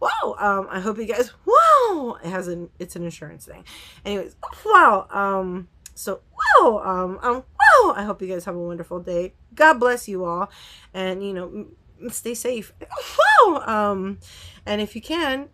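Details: Vocal tics in a woman with Tourette syndrome, hard to control especially on camera, with outbursts such as "wow", "whoa", "boom" and swearing; she has not yet started new medication.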